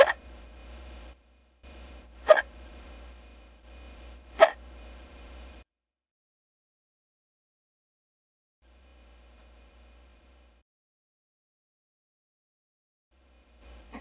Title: #11 Ahsoka Tano Hiccups While Streaming (AI)